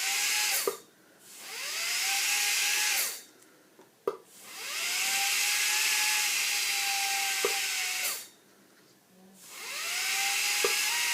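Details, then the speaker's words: High-pitched whining instrument in bursts with pauses and brief clicks: a spinning dental polisher with prophy paste polishing the teeth of an anesthetized dog during a dental cleaning. "It's our polisher. See, it spins."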